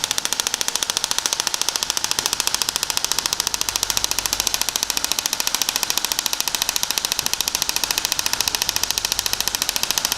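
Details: Radial shockwave treatment of plantar fasciitis on the foot with a 15 mm linear head, light pressure, shifting about one centimetre: steady, rapid, sharp ticking pulses at an even rate; compressed-air shockwave handpiece firing.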